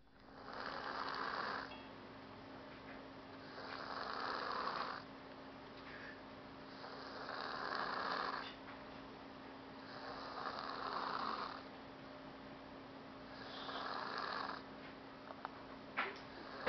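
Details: A young woman fallen asleep and snoring: five rough, rattling snores, about 18 a minute, steady and regular, with a faint room hum underneath; ordinary snoring.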